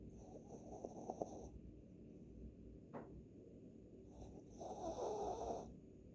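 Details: Small sleeping dog, possibly a Maltese–Shih Tzu mix, snoring: soft rattling snores with a snort.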